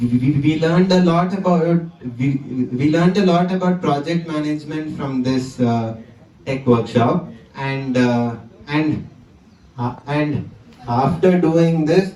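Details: 20-year-old man whose stammering returned with great intensity after the pandemic lockdown, giving a conference talk; phrase repetition; stuttering.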